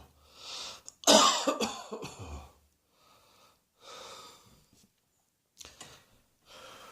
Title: Cross Dressing Coughing 100